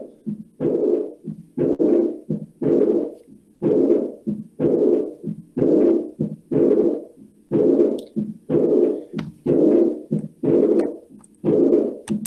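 Regular heartbeat at about 60 a minute, each beat followed by a humming, rumbling murmur filling the pause between beats: a diastolic murmur.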